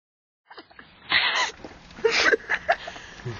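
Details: A single sneeze: a sudden noisy burst of expelled air after a short intake, with voices in the room.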